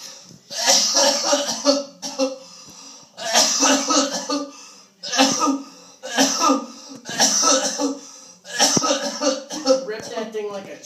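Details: Coughing fit after inhaling cannabis concentrate (a dab): a run of about five harsh, squealing coughs in quick succession.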